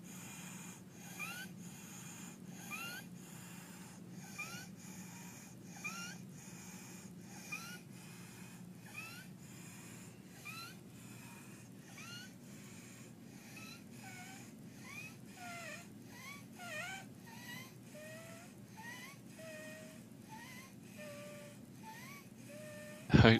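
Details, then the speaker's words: Repeated high-pitched whistling breaths, about 40 a minute, from an unwell, exhausted toddler with accessory muscle use, sternal recession and slight tracheal tug: stridor from a narrowed upper airway. "you can hear that stridor. So, child looks really unwell, looks really tired, exhausted."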